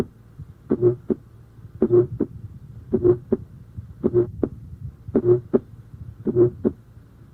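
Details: Innocent systolic murmur: regular heartbeat near 54 a minute with a soft, musical humming murmur between the first and second sounds.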